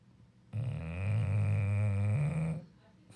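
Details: Snoring during an afternoon sleep.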